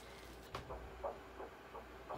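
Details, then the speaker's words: Fetal heartbeat on ultrasound during a pregnancy scan: rapid, regular whooshing pulses at about 170 beats per minute. "ultrasound heart beats done this was exciting the baby's heartbeat 170 beats per minute"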